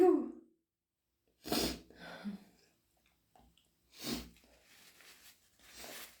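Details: Person with hay fever and an itchy nose: two forceful wet sneezes with noisy breaths and nose blowing between them; sneezing.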